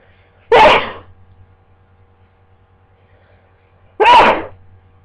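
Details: A person with a worsening cold sneezing in bed after waking from sleep: two sharp, explosive sneezes about three and a half seconds apart in a quiet room with low background hum.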